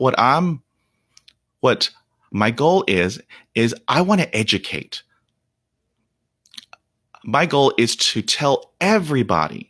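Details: Stuttering in an adult man whose speech deteriorated to 0% fluency after a dog attack at age five (shock/trauma), with blocks during which he turns red and stops breathing; unedited speech; stuttering.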